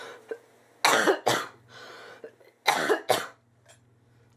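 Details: Two bursts of harsh, forceful coughing, two coughs each, in an adult with bronchitis and airway mucus who reports wheezing on minimal exertion, stopping breathing in sleep, coughing up blood and feeling rough.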